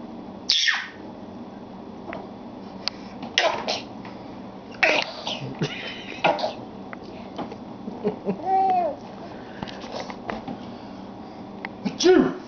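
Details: Young child imitating an adult's sneeze: several playful fake sneezes with laughter and household noise between them; an imitation, not a real sneeze.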